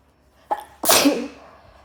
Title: Sneezing into my shirt + nose blow